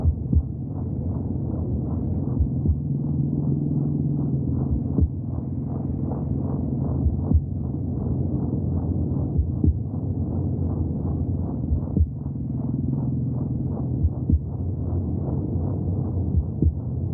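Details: Muffled, rapid, rhythmic whooshing thumps over a low rumbling background: fetal heartbeat heard from inside the womb.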